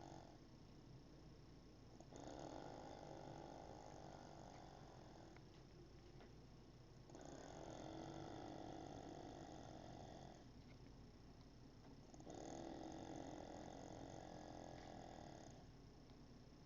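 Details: Mother snoring oddly: three long, rough, buzzing snores about five seconds apart with quieter gaps, about 12 breaths a minute.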